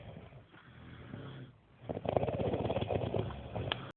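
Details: Men snoring: loud, coarse, rattling breathing with a vibrating quality, building into a harsh snore.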